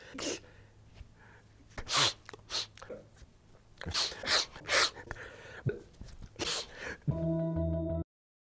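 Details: Adult man, a public commentator noted to sniffle a lot, in a supercut of speaking clips: a run of short, explosive sneeze-like bursts with quick inhalations, ending in a music tone: sneezing.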